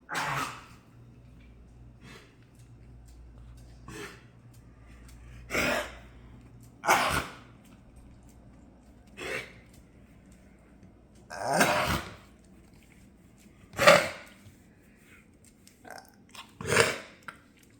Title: MILO WHEEZE & LUNG-PHLEGM CLEARING HACKING